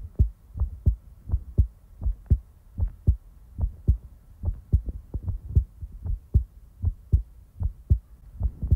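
Soft, regular lub-dub thumps at about 80 beats a minute. A normal heartbeat.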